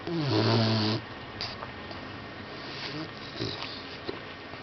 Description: Ozzy our boxer puppy snoring like a old man in his sleep,